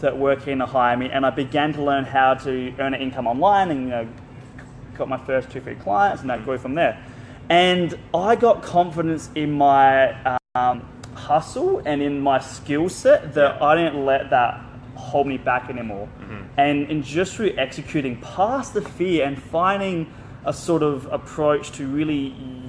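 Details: Stuttering in an adult man who dropped out of high school because of his speech and still has blocks when speaking.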